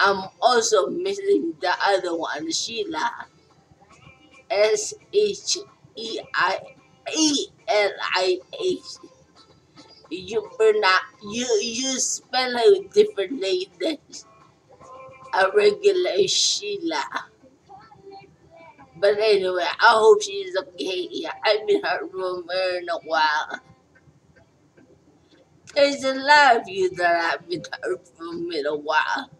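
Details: Stroke survivor talking casually; no specific speech disorder named; fragmented, hesitant speech, post-stroke speech impairment.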